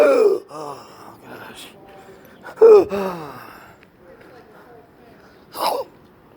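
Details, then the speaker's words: Gasping in an adult with persistent intractable hiccups (since December 2015, every 3 seconds) and breathing/choking spasms: loud strained gasping, groaning breaths with throat catches during a mild choking spasm, described as really deep air bubbles. "it was a different kind of joke really deep air bubbles"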